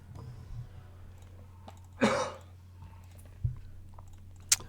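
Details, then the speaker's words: Adult getting over a flu: a single short, harsh cough with low room hum and a few small clicks around it. "Sorry if you hear the coughing. I'm getting over a flu."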